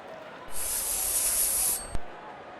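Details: Loud hiss of spray for over a second ending in a sharp click over crowd noise: cooling spray applied to an injured player in the Real Cricket 24 video game, simulated.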